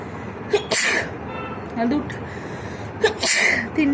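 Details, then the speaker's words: Two quick, forceful sneezes over steady room noise, deliberately triggered by tickling inside the nose during a sneezing challenge; ordinary sneezes. "তো চলো বন্ধুরা, কত হয়ে গেল হাঁচিও, আর করবো না। তো বন্ধুরা দেখতে পেলে আমার কতগুলো হাঁচি হলো।"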